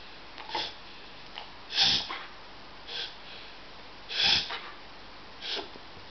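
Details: Repeated harsh snorting inhalations from a dog, Molly, during a reverse sneezing episode, a harmless airway spasm that distresses her, though she wags her tail when stroked.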